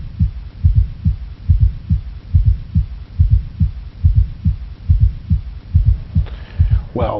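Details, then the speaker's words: Asymptomatic man on antihypertensive medication with long-standing hypertension: regular low-pitched heartbeat about 71 a minute with a soft extra sound just before each first sound; S4 gallop. "it's an s4 gallop an s4 gallop does not need extra medication because you already need to treat the hypertension"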